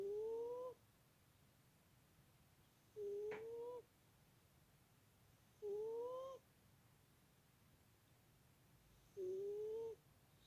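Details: Tiny, squeaky snores from a sleeping subject; snoring.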